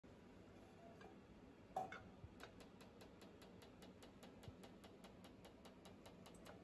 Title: Picosecond laser pulse width testing